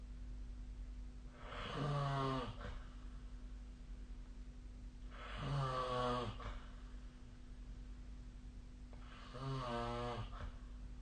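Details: Regular low, rumbling snores during sleep about every four seconds, roughly 15 breaths a minute, with a steady room hum; snoring.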